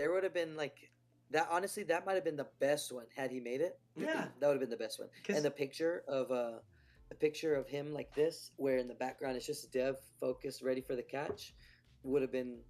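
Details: Adult male speaker; Conversational speech.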